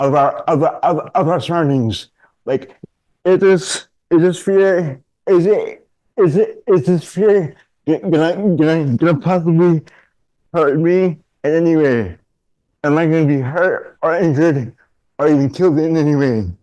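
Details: Adult man diagnosed with dystonia, a neurological disorder affecting mobility, as a child; speech in dystonia with word and phrase repetitions.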